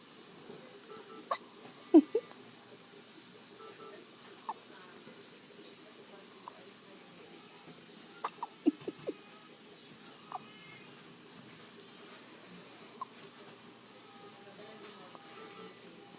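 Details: One-week-old premature newborn, born 3 months early, with hiccups: soft, sharp hiccup clicks recurring irregularly over steady room hum.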